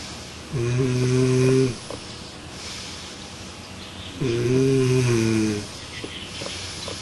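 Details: Recorded during a sleep experiment with a smart snore pillow: two loud, low, droning snores about four seconds apart, each lasting over a second; snoring during sleep.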